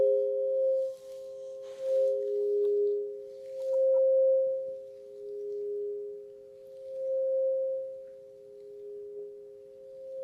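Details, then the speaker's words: Tuning fork tones in a simulated ASMR hearing test: two steady pure tones of close but different pitch swell and fade in turn, one per ear, for a which-ear-is-higher pitch comparison. "okay it's going to get a little more difficult now because the frequencies are going to be closer together"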